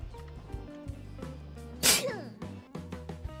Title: SNEEZE!